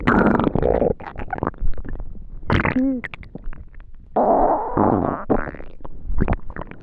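Irregular gurgling, rumbling and bubbling noises with brief squeaky tones, typical of stomach rumbling (borborygmi) from an empty, hungry stomach.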